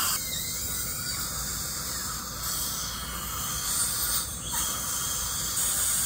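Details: Steady high-pitched whine with hissing water spray and suction from an ultrasonic scaler during a routine teeth cleaning, a hygienist cleaning a dentist's teeth in an ASMR recording.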